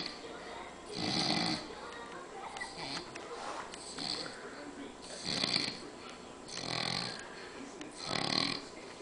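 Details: Five loud, rough snoring breaths about every one and a half seconds in a steady rhythm, from a sleeping Filipino man, against room noise; snoring.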